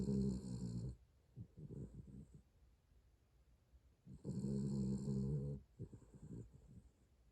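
Two loud, low rumbling snores a few seconds apart, each followed by quieter snuffling breaths; ordinary snoring in a sleeping dog.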